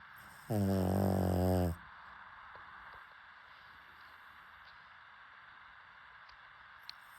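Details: Pug dog snoring: a single loud, buzzing snore lasting about a second, followed by quiet breathing against faint room noise.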